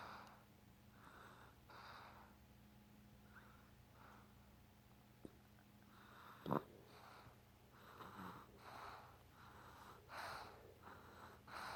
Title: Baby snores